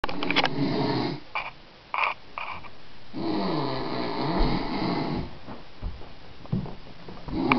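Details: Person secretly recorded while asleep at a cottage; loud, rough, rattling breathing with long drawn snores between short pauses; snoring.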